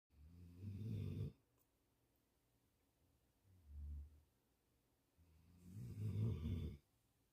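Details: A sleeping mastiff-mix dog snoring.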